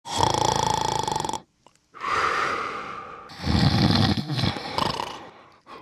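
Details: Simulated snoring from a Santa Christmas tree ornament toy: loud, rumbling, snore-like sounds with pauses, an imitation of snoring.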